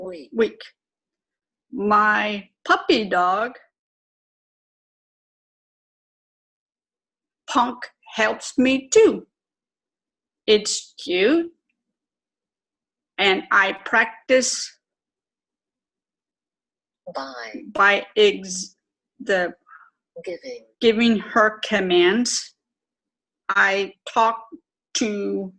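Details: Aphasia with apraxia of speech, self-described as severe, in an adult woman twelve years after a stroke.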